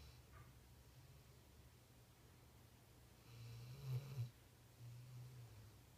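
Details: Female pet snoring loudly while asleep: low, soft rumbling with a couple of louder snorts over quiet room noise; snoring.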